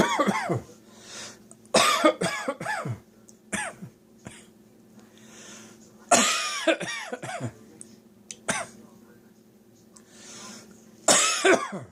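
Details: Adult hanging out washing to dry has a sudden tickly-throat cough: repeated short, harsh coughs in clusters.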